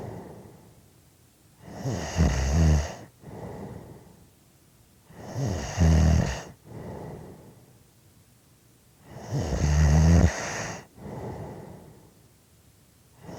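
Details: Loud, rattling snores on each in-breath with a softer breath out, about 15 breaths a minute; heavy snoring.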